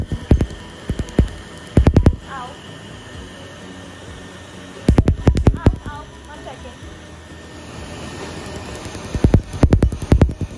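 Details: Laser tattoo removal on a unicorn tattoo on a female shoulder, with an air chiller blowing cold air to numb the skin: bursts of rapid sharp snapping laser-pulse clicks separated by pauses, over music and a steady chiller hum.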